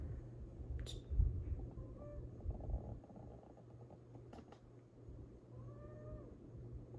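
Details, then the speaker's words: A pet cat curled up tightly into a ball, breathing with faint squeaky, whistling wheezes over a low rumbling, purr-like background. "I don't know if you hear that, but if you hear like this weird wheezing sound, keep talking over it. It's Gracie."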